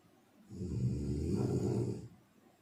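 A single long, rough, rattling snore on the in-breath, lasting about a second and a half.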